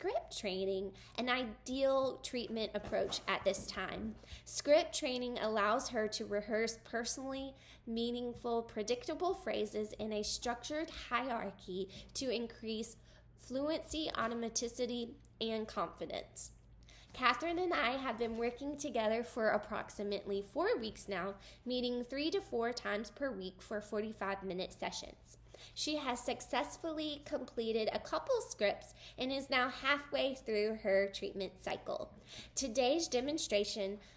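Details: Adult woman speaking; typical speech.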